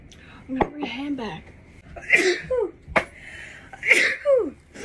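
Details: Sneezing after putting on makeup and concealer: two sharp sneezes with quick breaths and voiced sounds around them, in a small room.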